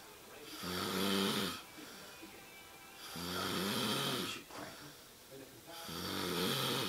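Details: Adult man asleep on a couch at 2 a.m.: three loud, buzzing, rattling breaths about two seconds apart with quieter gaps between them; typical snoring.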